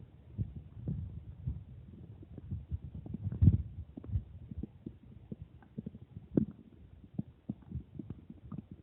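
Low gurgling and rumbling from the abdomen, with bubbly pops: ordinary stomach growling after drinking water.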